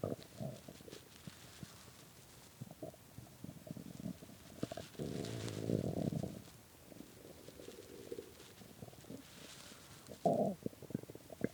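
Low rumbling gurgles with a longer growl midway and a louder burst near the end: hunger stomach growling, normal gut activity.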